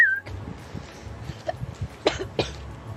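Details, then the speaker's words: Two short, sharp hiccup-like vocal sounds over quiet room noise, hiccup-like sounds later understood as tics during a Tourette's diagnosis journey. "I'm just going to show you what these hiccup things look like, sound like, just so that I you can see."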